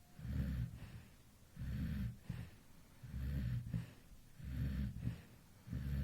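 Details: Baby sleeping relaxed at 2 a.m.: regular low rumbling snores with each breath, about four breaths in six seconds; ordinary infant snoring.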